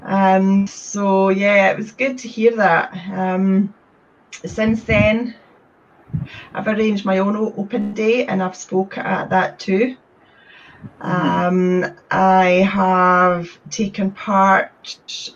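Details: Adult woman who describes having had a speech condition; stuttering.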